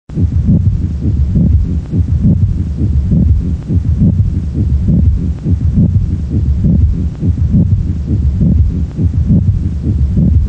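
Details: Heart auscultation: rhythmic heart sounds overlaid by a scratchy, grating to-and-fro noise, a sign used to diagnose pericarditis: pericardial friction rub.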